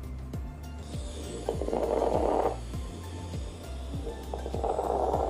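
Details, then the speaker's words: Crackles played on a Tellyes auscultation simulation manikin: simulated lung sounds with breath noise and repeated short popping clicks. "di sini itu juga ada misalkan crackless ini klik suaranya seperti apa kita bisa dengarkan"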